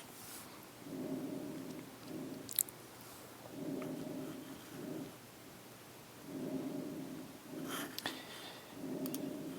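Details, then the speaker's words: Diminished harsh breath sounds in pleural effusion: faint, muffled breathing at about 22 breaths a minute, reduced by fluid surrounding the lung. "So let's hear how it sounds to have a diminished harsh breathing"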